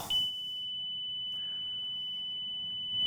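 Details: A ZOLL AED Pro in hospital training on a manikin in simulated ventricular fibrillation holds a steady high-pitched electronic tone with a faint click partway, the tone around a shock.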